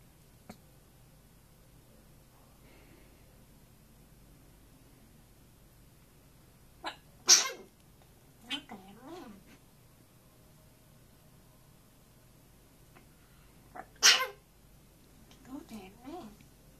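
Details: African grey parrot, camera shy after trying to sing, giving two sharp hissing sneezes, each followed by soft chirps and clicks in a quiet room.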